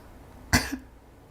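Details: Girl sick since the previous evening, with a voice problem and told not to talk for 3–5 days, given an IV drip, prone to illness at seasonal changes: single short, harsh cough burst with a brief throaty tail; cough.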